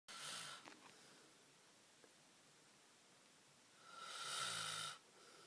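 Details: Man snoring: two whistly, rasping snores on breathing in, a quiet pause of a few seconds between them, soft room hiss.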